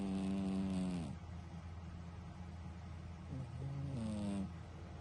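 Loud, buzzy, pitched snoring noises from a sleeping cat, one at the start and another near the end, with steady low hum between.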